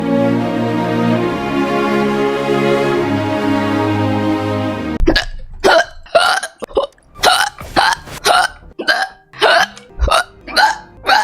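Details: Hiccups with coughing and throat-clearing nearby: after music, repeated short, abrupt gulping catches, roughly two a second.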